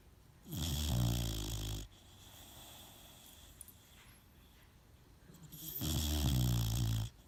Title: Zane Boxer pup snoring